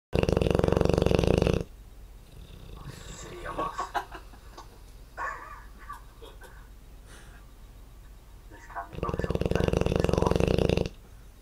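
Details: 1-year-old Dogue de Bordeaux asleep: two loud, rough, rattling breath sounds separated by quieter noisy breathing; snoring.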